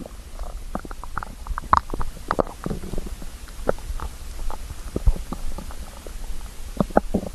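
Steady gurgling, bubbling and squelching from the belly. Stomach growling from hunger, a normal sound.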